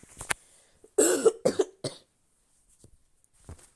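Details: Adult coughing while playing: a brief cluster of sharp, dry coughs and a throat clear in a quiet room. Dry cough.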